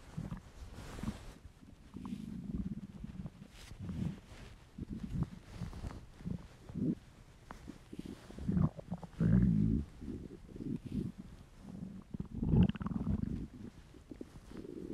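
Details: Male's hungry stomach: low, irregular gurgling rumbles and bubbling surges from the abdomen; borborygmi, hunger bowel sounds.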